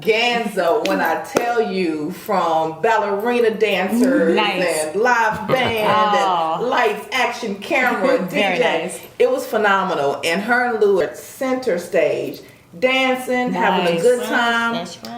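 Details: Adult woman speaking; no disorder.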